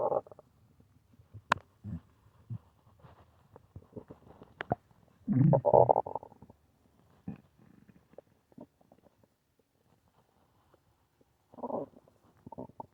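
Irregular gurgles, squeaks and low rumbling bursts against near silence; ordinary stomach growling from bowel activity.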